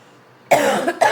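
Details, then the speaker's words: Adult with a lingering cough after a cold, now feeling fine and seen by a doctor, gives two short, dry cough bursts after a quiet pause with no wet or rattling sound: dry cough. "So that I'm not coughing during the Grandma Gamer Guides."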